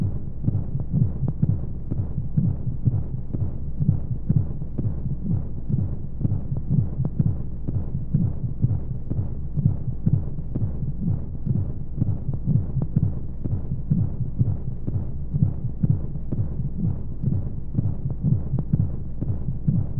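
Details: Womb sound sleep aid for babies: steady muffled low thumps at roughly 125 a minute under a soft constant hiss of flow noise and white noise, womb-like; heartbeat.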